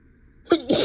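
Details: Simulated, acted sneeze performed by someone role-playing a teacher giving a class: a single sneeze with a sharp in-breath, then a loud explosive burst, part of an intense sneezing fit while talking.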